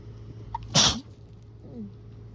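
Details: Allergy-season sneeze, deliberately induced because of a constant nasal tickle: a single strong, wet, hissing sneeze with a brief intake before it, against low room hum.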